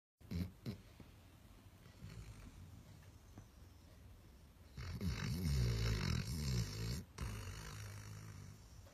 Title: Dog Snoring Loud When Sleeping